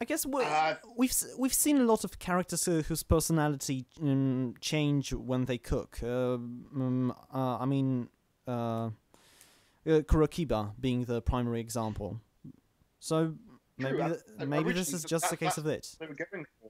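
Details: Adult man who stammers, recording while standing to reduce stomach muscle tension; stuttering.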